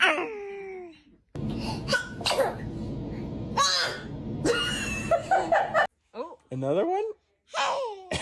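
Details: Newborn: a few abrupt, noisy sneeze bursts between small squeaky cries and whimpers; sneeze.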